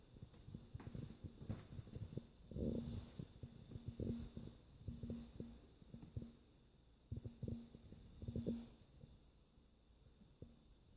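Repeated low rumbling snores about every second, slightly irregular, over soft room noise; ordinary snoring in a sleeping dog.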